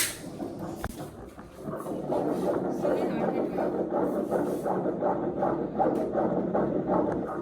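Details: Fetal heartbeat at a pregnancy checkup, around the 28th week of pregnancy: rapid, rhythmic whooshing pulses on Doppler, about 160 beats a minute.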